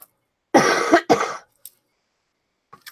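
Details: A dry cough, with a still-running nose, on the first day of feeling better after illness.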